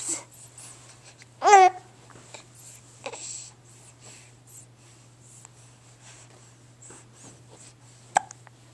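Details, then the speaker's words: Infant with hiccups while babbling: short sudden catch-like sounds between vocalizations as an adult talks to the baby; ordinary infant hiccups. "tell me tell me oh those hiccups their pesky aren't they do pesky"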